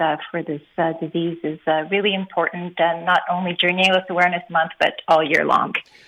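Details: Adult woman speaking; typical speech.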